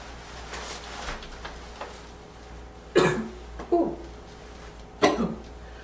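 Three harsh, abrupt coughs with a barking edge and a faint wheezy tone, in a quiet room: a barking cough with slight wheeze.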